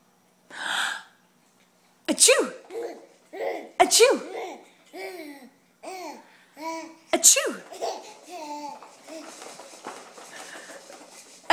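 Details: Mother sneezes, a sharp sneeze burst, followed by the baby's repeated giggling as he goes wild in his jumper.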